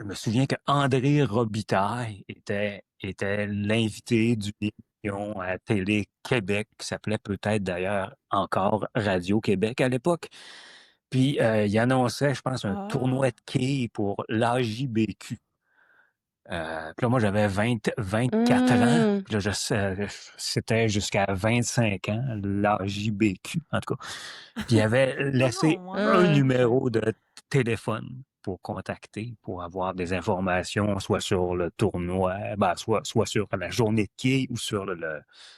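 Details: Adult man who stutters, a former board member of a stuttering association; stuttering.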